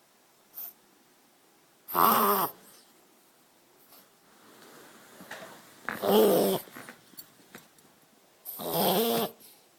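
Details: Reverse sneezing episode in a dog: three loud, harsh snorting honks a few seconds apart; owner says it is easy to stop.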